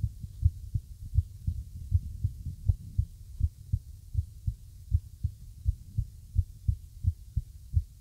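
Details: Irregular heartbeat.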